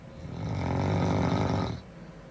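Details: Girl snoring: one long, loud, rumbling breath lasting under two seconds, a single snore.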